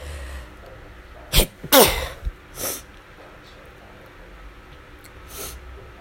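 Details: Rapid run of five explosive sneezes in close succession in the morning; the person suspects allergies but is unsure whether it is a cold. Sneezing fit.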